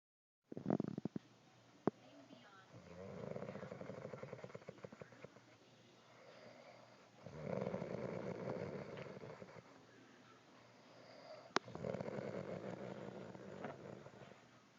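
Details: Rough, rattling snores on three breaths in, separated by quieter breathing out, with a few clicks; snoring.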